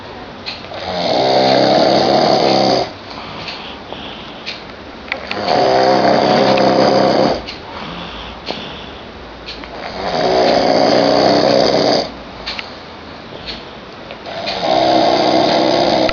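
Loud, rough snores on each in-breath, about four in 16 seconds (roughly 15 a minute), with quieter exhalations between.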